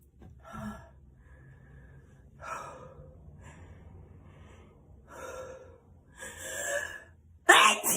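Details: Acted, simulated sneezing: several short sharp bursts of air over low hum, ending in a loud explosive burst.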